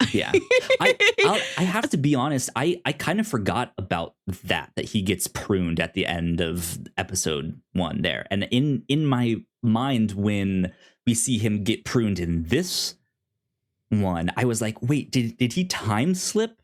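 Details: Male podcast host who says he has a speech impediment and stutters; repeated words heard; stuttering.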